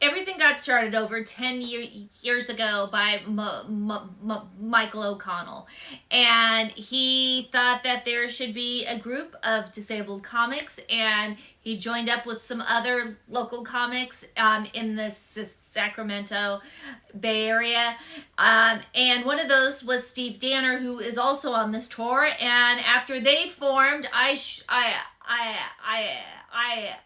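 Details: Adult female comedian who stutters and also has learning disabilities; audible stuttering with repeated-word repetitions.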